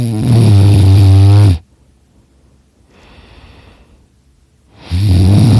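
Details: Person napping on a couch in a quiet room, snoring super loud; says it slightly hurts the throat: loud, deep, rattling snores on the in-breath separated by quiet exhalations; heavy snoring during sleep.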